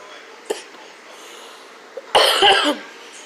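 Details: A short, harsh cough of two quick bursts from an adult in a home vaping vlog, with faint room noise; ordinary cough.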